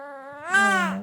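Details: 68-day-old baby lying down and falling asleep: a brief rising, tonal cry; ordinary fussing while trying to fall asleep.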